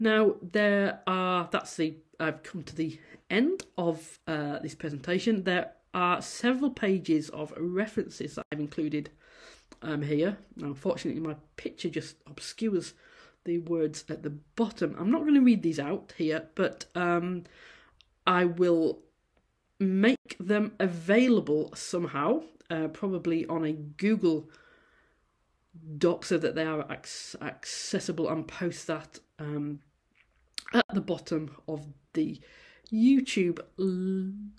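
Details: Adult female university lecturer who stammers, giving a presentation, with sound repetitions and prolongations; stammering.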